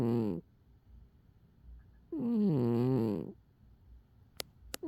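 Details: A sleeping cat snoring loudly: two drawn-out snoring breaths with a buzzy, wavering tone, separated by a quiet pause.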